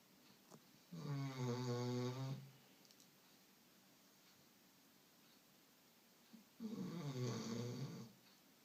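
Two long, rattling snores about six seconds apart, with quiet breathing between; ordinary snoring from a sleeping dog.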